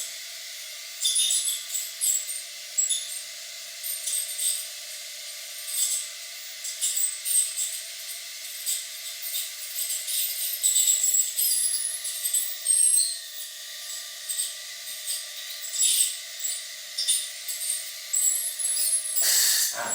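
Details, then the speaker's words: Piezon piezoelectric ultrasonic scaler cleaning yoghurt biofilm and modelling clay from a model of extracted natural teeth in an aerosol test: high-pitched hiss and sizzle of water spray, faint steady tones, light clinks. "going into into the spray generated by the piezon and that modeller's clay is starting to come"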